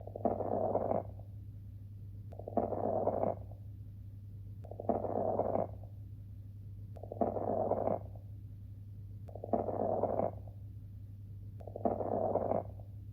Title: Ran nổ - Fine crackles - Ráles crepitants